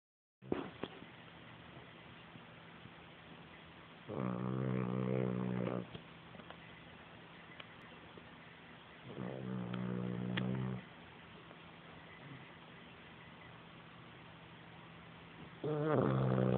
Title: My snoring puppy